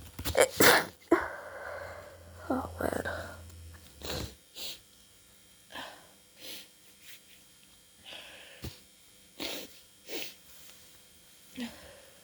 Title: Cold sneeze attack (first upload)